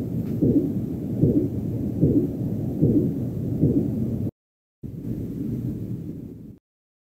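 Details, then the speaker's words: Korotkoff sounds during manual cuff deflation when measuring pulsus paradoxus: regular low thumps about 75 a minute over rumbling. Sounds were heard with every heartbeat from 90 mmHg. "I wait until I hear a Korotkoff sound with every heartbeat or every bounce of the needle. Then I note the pressure when the sound with every heartbeat first occurred, which in this case was at 90 millimeters of mercury."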